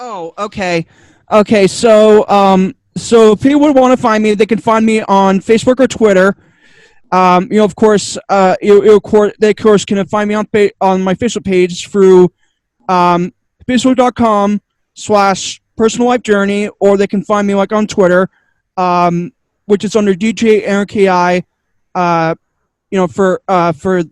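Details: Stuttering in an adult man who attributes it to another of his two diagnoses; he says he stutters a lot, especially when struggling with what to say.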